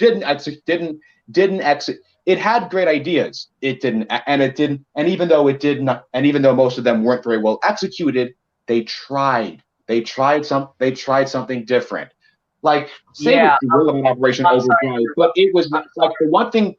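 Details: Male podcast co-host who says he has a bit of a speech impediment that may sound like rambling, type unspecified; speech impediment, disfluent speech with word and phrase repetitions.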